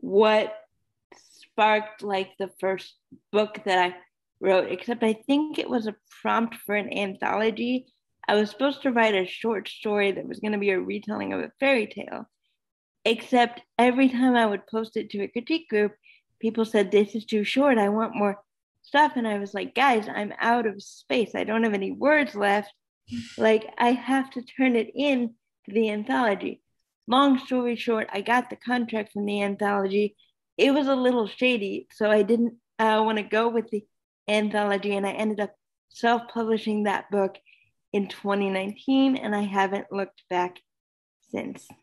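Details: Adult woman speaking; ordinary speech.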